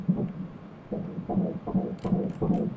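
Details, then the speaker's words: Fetal heartbeat on Doppler ultrasound at 12 weeks of pregnancy: fast, regular whooshing pulses, 167 beats per minute, normal, with sharp bursts and extra sounds from active fetal movements. "сердечко это прыгает вот эти резкие всплески и уходит из-за движений это прыжок нормальное сердцебиение просто в момент активных движений плода всякие призвуки от движений идут 167 ударов в минуту"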